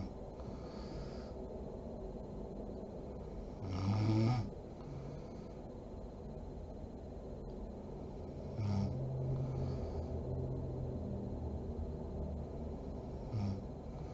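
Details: Sleeping mother: soft, rough snores every few seconds over steady room hiss; snoring during sleep.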